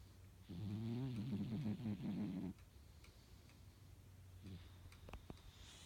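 A low, fluttering rumble on a drawn-out breath, then a quieter trailing breath; snoring in a sleeping animal.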